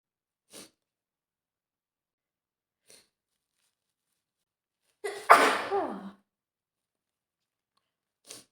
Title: Scenario: She must have caught a cold during that storm (F) | strong sick sneezes